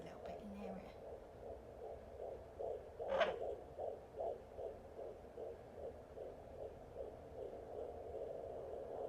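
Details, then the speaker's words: Rapid, regular whooshing pulses over steady hiss on a Jumper JPD10056 home fetal Doppler, in the 150s: fetal heartbeat, galloping versus the mother's slower pulse, found while lying flat. "So if it's slow and like a, then that's mine. And then if it's like galloping, it's babies."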